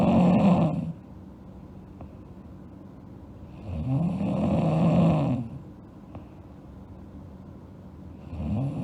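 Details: Sleeping girl snoring: loud, rough snore on each breath in, about every four seconds, with quiet breathing between snores.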